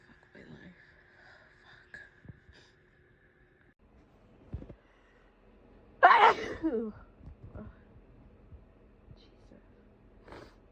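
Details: Sneeze from a person severely sick with COVID, first thought to be flu: one loud sneeze in a quiet room, followed by faint breathing and a soft sniff; the recording also has sniffles and coughs.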